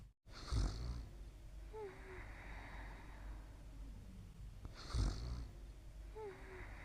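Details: Soft snoring while sleeping during a quiet night, about 35 seconds.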